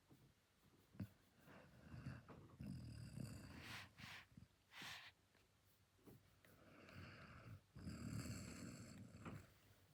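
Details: Basset Hound snoring during sleep: rough, rumbling breaths with snorting noises through the nose, repeating irregularly.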